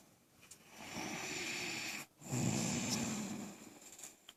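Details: During sleep, two long, rough, rasping breaths with a hissing edge; snoring.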